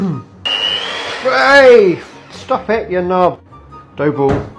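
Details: Person with Tourette syndrome cooking and speaking, with vocal tics and background music; vocal tics (Tourette syndrome).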